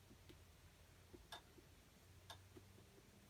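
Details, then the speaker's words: Normal resonant percussion note over the back of the chest during a student nurse's respiratory assessment. "you should hear resonance which is normal sound"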